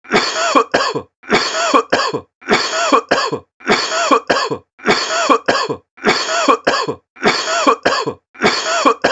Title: Coughing sound effect